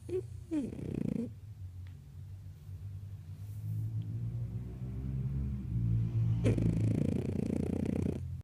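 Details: Snoring from Zoe: low rattling snores with breathy, noisy breaths in between.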